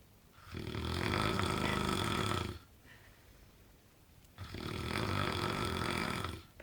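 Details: Heavy snoring from an adult man described as the world's loudest snorer: two loud, rattling snores of about two seconds each with quiet breathing between, in a small room.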